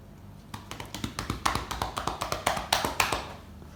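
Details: Chest physiotherapy practice on an adult male by an anaesthesiology nursing student: chest percussion (clapping) on the back for 1–2 minutes, rapid rhythmic hollow cupped-hand claps about four a second to loosen secretions.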